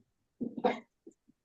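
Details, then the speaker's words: An adult woman gives a short burst of a few harsh coughs while recovering from severe whooping cough, after coughing for a month and a half. "Euh ouais, ça fait un mois et demi que je tousse."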